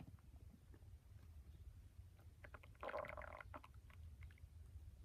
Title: My stomach growling very loudly